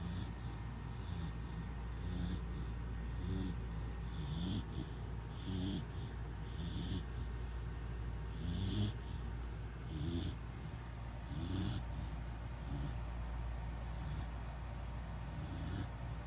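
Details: Chow Chow dog sleeping, with low rumbling snorts about every second over a steady background hum; snoring.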